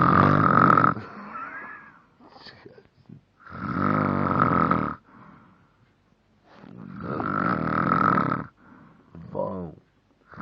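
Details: Heavy snoring recorded on a mobile phone: loud, harsh, rattling snores about one every three and a half seconds, with quieter breaths and pauses between them.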